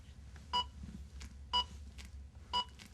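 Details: ZOLL AED Plus Trainer2 in a manual training scenario after no shock advised, prompting start CPR: short regular beeps about once a second, the metronome pacing chest compressions.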